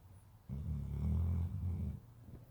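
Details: A single low, rattling rumble on the in-breath lasting about a second and a half, then quiet room noise; a dog snoring.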